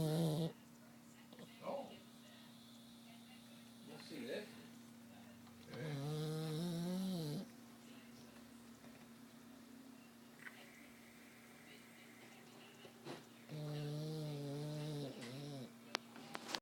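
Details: Slow, wavering, whistly snores recur every few seconds over a steady background hum from a pug, a flat-faced dog, sleeping hard. Snoring.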